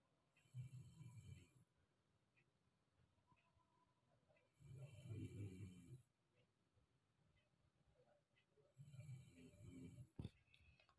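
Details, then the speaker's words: A sleeping boy snores loudly at about 11 p.m. "আর ছেলে ঘুমোচ্ছে, নাক ডাকছে, দেখো শোনো।"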